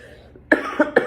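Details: Person during a speech: three short, sharp cough bursts in a quiet room, a brief coughing spell.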